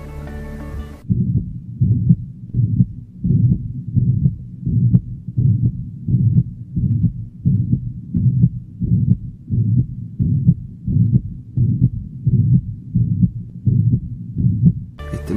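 Regular heartbeat about 86 a minute with a continuous whooshing murmur filling systole: holosystolic murmur of mitral regurgitation. Brief music at start and end.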